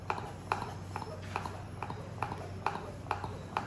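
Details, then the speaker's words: Yuwell 7B-1 manual hand suction machine demonstrated suctioning liquid (max vacuum ~0.04 MPa): regular soft clicking squeezes about two a second over low room hum. "So now we have connected and we have taken this liquid and we'll start suctioning it out. You can see the liquid is coming over here."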